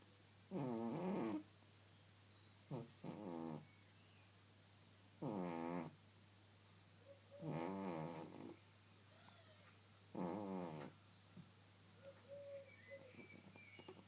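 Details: Sleeping cat snoring: five buzzing, fluttery snores in fourteen seconds, about one every two to three seconds, over a steady low hum.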